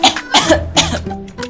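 Three short, harsh cough bursts from an adult, acted, with background music playing over them.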